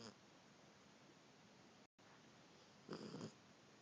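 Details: A sleeping dog on the couch gives one brief, rough, low snort near the end, over quiet room hiss: a single snoring breath.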